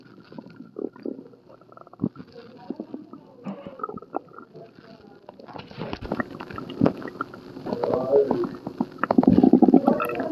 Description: okay so I was at the hospital for an upset stomach and I caught some really good tummy grawls so I recorded this audio once the nurse left for another patient / I am feeling better now 😊